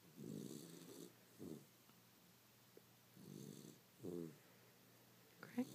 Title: Sleepy Little Beagle Snores Up a Storm